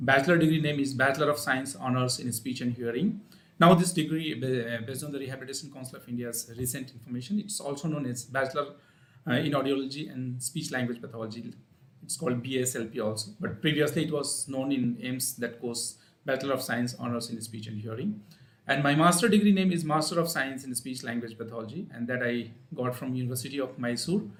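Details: Adult male speaker; normal voice.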